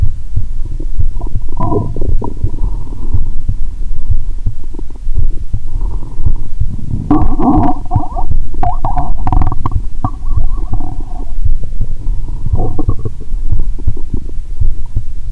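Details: Stethoscope on own abdomen; watery sounds heard even near the heart; loud continuous low gurgling and rumbling with bubbling bursts: active bowel sounds (borborygmi).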